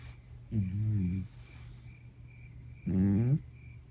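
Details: Fluffy Himalayan cat; two low, rumbling, buzzy snores about two and a half seconds apart with quiet breathing between: cat snoring during sleep.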